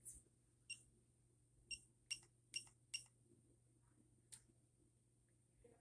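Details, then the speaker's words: Dental curing light curing a 2 mm composite increment for 20 seconds, held perpendicular to the surface: short high-pitched timing beeps at irregular intervals over a low room hum. "once it's cured for 20 seconds we would take our explorer because we think it's filled take our explorer and run across it to make sure that it's cured"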